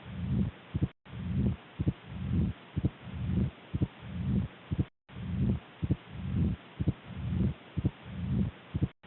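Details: Mitral stenosis on auscultation: low rumbling diastolic murmur ending in sharp heart sounds, about 62 beats a minute.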